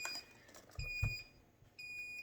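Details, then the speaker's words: Optune head-worn cancer treatment device alarm, sounding whenever the device is not happy, in a patient after chemo and radiation: high repeated electronic beeps over a quiet room. "Now that's the alarm that goes off anytime this thing's not happy. And I'll let you listen to that and tell you that can be disconcerting."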